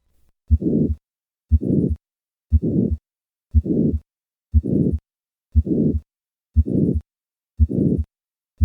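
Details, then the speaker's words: Simulated hypertrophic cardiomyopathy murmur recorded at the fourth left intercostal space, starting in the standing position before a squat maneuver: heartbeat about 59 a minute, each beat followed by a harsh, swelling systolic murmur; the murmur decreases with squatting. "notice the change in the murmur of hypertrophic cardiomyopathy with a squat maneuver I will begin with a standing position"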